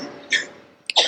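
A brief, harsh burst of air after a quieter breathy sound, consistent with a single short cough from an adult.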